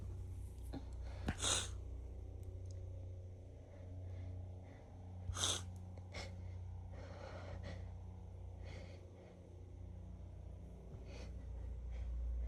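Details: Female, newly sensitive to a roommate's cat: two soft, hissy sneezes with breathy sniffs between over a low room hum; allergic sneezing.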